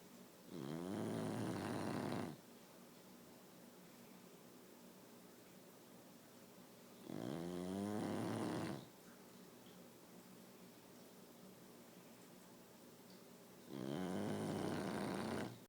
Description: My bulldog fell asleep on my wife's face and is snoring